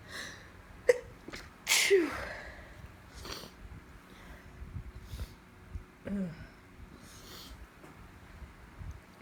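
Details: Woman with allergies on top of a cold, having a sneezing fit: repeated sharp sneezes that build in force, in quick succession with breathy intakes between them.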